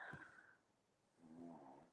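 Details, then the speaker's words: Sleeping pet dog snoring loudly, as the owner describes; soft, rough, rumbling snores on one inward and one outward breath in a quiet room: snoring. "I don't know if you can hear it but my dog is snoring so loud it's like the snoring is penetrating into my brain"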